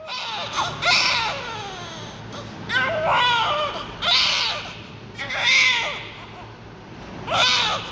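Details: Loud, strong, high-pitched newborn cry in repeated long bursts with breaths between; a vigorous cry from an active baby.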